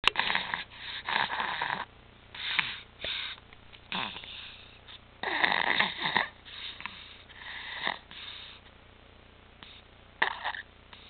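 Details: Infant with recurring apnea, stridor and retractions, back on apnea and pulse oximeter monitors after two good months; noisy, harsh high-pitched breathing in bursts with each breath, consistent with stridor from a narrowed upper airway.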